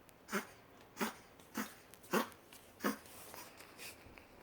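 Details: Five short, soft, dry cough bursts from a small puppy whose teeth have not all come in, about one every half second, over quiet room noise.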